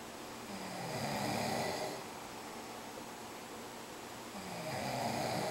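Two rough, rattling snores on breathing in, about four seconds apart, over steady room hiss. Ordinary snoring.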